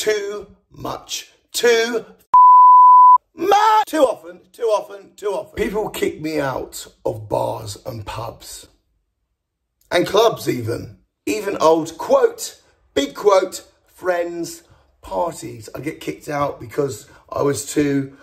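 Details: Male with Tourette syndrome, a neurological condition causing involuntary twitching, shouting, strange noises and often inappropriate language or swearing, which he cannot control; Tourette syndrome vocal tics.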